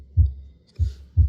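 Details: Heart sounds played on the SAM auscultation mannequin (simulated), from a lecture set running from normal heart sounds through extra heart sounds and murmurs.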